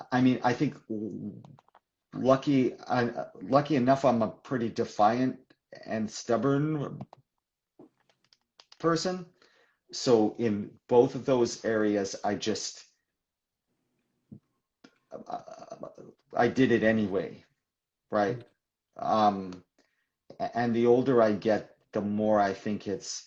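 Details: Adult man who stutters, speaking in a real live conversation for International Stuttering Awareness Day; stuttering.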